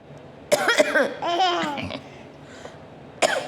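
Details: A few short cough bursts from an adult, followed by a young child's giggling laughter over room noise; cough.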